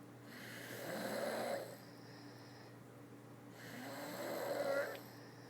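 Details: Two long, rattling snores about three seconds apart, each building in loudness then fading, over a faint steady room hum: snoring.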